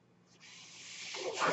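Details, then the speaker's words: Soft hiss of air swelling steadily over about a second and a half: home mechanical ventilator airflow noise from the podcast speaker's own ventilator, heard as the speaker points it out. "and I think it's a glorious time to be a Star Wars fan my name is that noise you're he's my ventilator"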